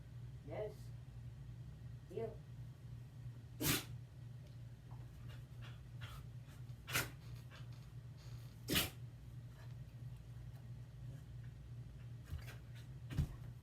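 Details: Punch, a small dog, sneezing: several short, sharp sneezes over a steady low room hum.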